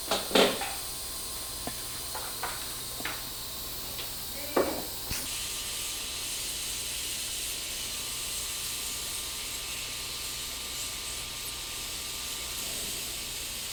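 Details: Dental implant surgery, flapless immediate implant after crown-root fracture, guided placement with dual-zone graft: a few sharp instrument clicks, then a steady hiss of surgical suction and irrigation.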